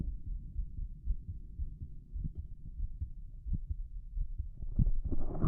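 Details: Rapid, loud heartbeat of a man heard by stethoscope over the heart valves, with muffled low thumps; a visibly heaving apical impulse, after brief lung auscultation; rapid heart rate.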